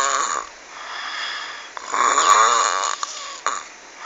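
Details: Loud rattling snores on each breath, with vibrating, rasping breathing sounds during sleep; heavy snoring.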